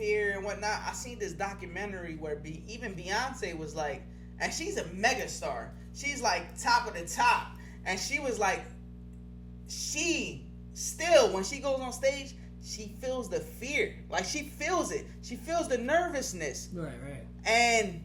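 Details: Adult speaker; plain speech.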